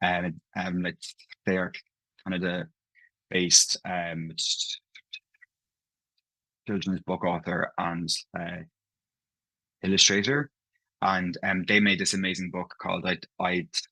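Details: Adult man who stammers, talking about his own stammer; stammering (stuttering) with audible part-word and whole-word repetitions.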